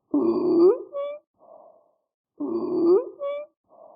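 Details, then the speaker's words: Sample abnormal lung sound: harsh, high-pitched crowing noise repeating with each breath; stridor from a narrowed upper airway. "And here are some samples of some abnormal sounds that you may hear. Crackles. Wheezes. A friction rub. Or stridor."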